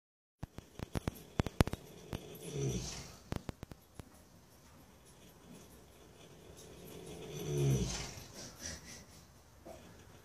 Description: Colt, our 4 year old Paso Fino gelding, snores every single night!